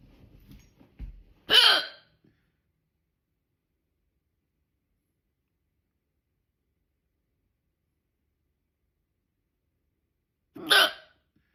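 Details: Two loud, abrupt hiccups about nine seconds apart, with silence between while the person holds their breath; persistent loud hiccups that would not stop with breath holding.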